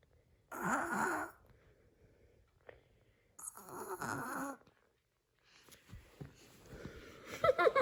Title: Baby pretend sleeping and snoring | baby funny videos